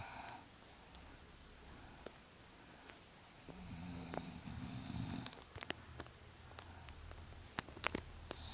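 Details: Pregnant woman snoring during pregnancy.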